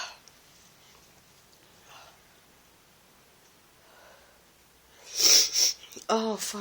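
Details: Person sick with a bad cold, sneezing in bed: quiet breathing, then a sharp, forceful sneeze burst followed by a second explosive sound.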